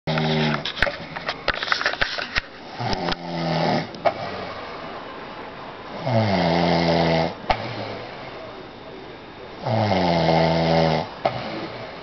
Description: My husband always tells me he doesn't snore but now I have my proof.